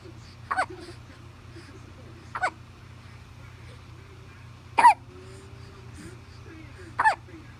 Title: 1 month old hiccups